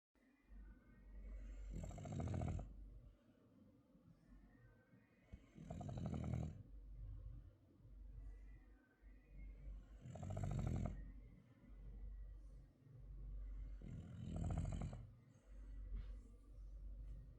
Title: MY FRENCHTON SNORING 🤣